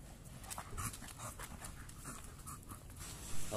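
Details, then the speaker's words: Bully dog panting rapidly and noisily, several quick breaths a second, out of breath after only a short midday walk; stamina not yet improved, hind legs also being assessed. Exercise-induced panting. "dan ternyata staminanya juga belum ada perubahan teman-teman hanya nya di bawa berjalan kaki Dia sudah merasa ngos-ngosan teman-teman bisa dengar sendiri dari suara napasnya"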